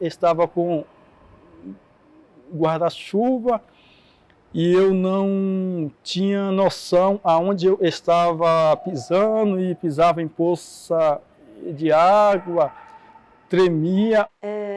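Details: Adult Portuguese-speaking man who stutters, heard speaking with stuttering.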